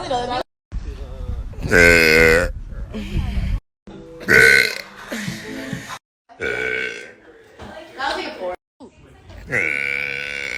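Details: Compilation of burps: several loud voiced belches in a row with short pauses and faint music behind, then laughter.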